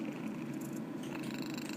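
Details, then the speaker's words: A cat snoring while asleep: a steady, low rumbling buzz close to a purr; soft snoring. "あらら、みけちゃん寝ながらいびきしてますね。"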